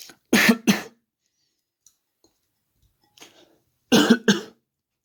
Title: Coughing